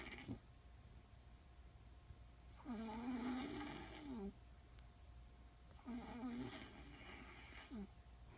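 Two drawn-out, buzzing snores on the in-breath, about three seconds apart, in a quiet room. Snoring.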